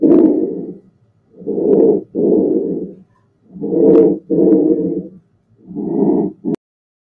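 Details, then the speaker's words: Simulated posterior chest lung sounds on a virtual patient platform: low-pitched, musical added sounds on inspiration and expiration, about 25 breaths a minute; stethoscope behind patient. "move it to an area of the chest wall to hear the lung sounds and hear heart tones reposition yourself behind the patient for the posterior sounds"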